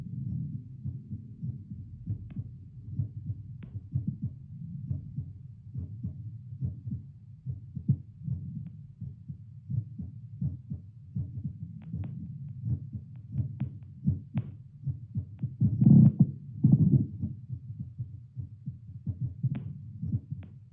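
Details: Seated resting heartbeat heard through a Littmann CORE stethoscope played to a speaker: steady low lub-dub at about 78 beats a minute by pulse oximeter, fluctuating slightly; normal heartbeat at rest.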